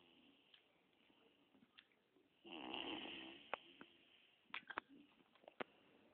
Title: Suara Mendengkur